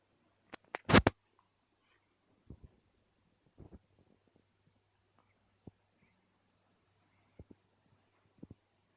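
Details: Person with hiccups: brief, sharp clicks repeating at irregular intervals over a quiet room hum.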